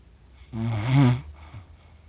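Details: Person accidentally recorded while asleep, snoring for 47 minutes and describing their snoring as funny: a single loud, rattling in-breath snore followed by a quieter breath.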